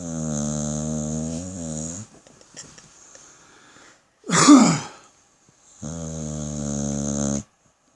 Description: Hysterical pit bull snoring.